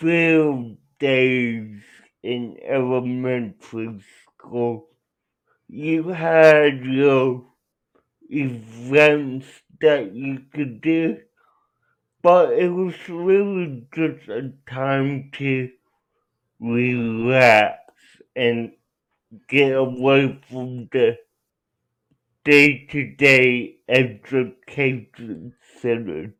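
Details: Adult man with cerebral palsy, real patient answering interview questions; dysarthria (cerebral palsy).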